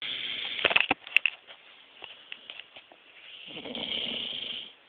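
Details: Dog snoring: a few faint clicks, then one soft, raspy breath near the end over a steady hiss; light snoring.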